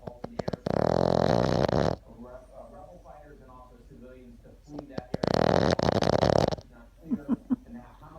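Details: Boston terrier snoring: long, loud, buzzy snorts a few seconds apart with softer snuffling between.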